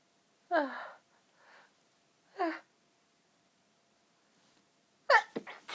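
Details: Pinched, stifled, held-back sneezes after breathy build-ups from an incredibly tickly nose: several sneezes with a voiced catch, separated by breathy inhalations.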